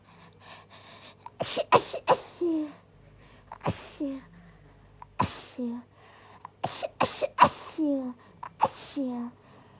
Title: Uncontrollable Induced Sneeze Attack!